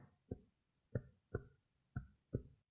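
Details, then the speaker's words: Five hollow, low-pitched taps in chest percussion over the patient's air-filled lung, giving resonance, a normal resonant percussion note. "remember the lung is an air filled organ so an air filled organ if I tap it will make a sound called resonance this is what it sounds like"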